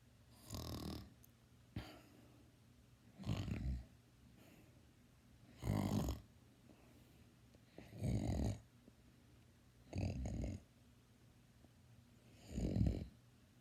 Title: Me snoring (LOUD)